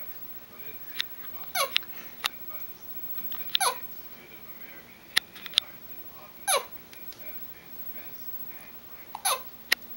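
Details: Infant hiccups: four abrupt little hiccups about every two to three seconds, each with a short squeaky voiced catch, plus soft clicks.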